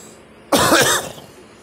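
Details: One loud, harsh cough lasting about half a second, over steady room noise.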